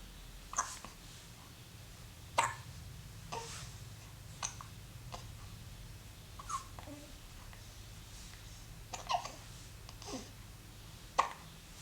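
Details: Baby lying calmly on his play mat; about nine short, sharp hiccups at irregular intervals between soft babbling in a quiet room: hiccups.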